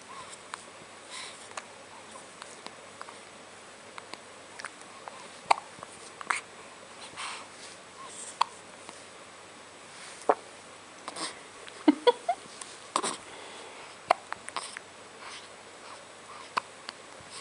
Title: Hiccups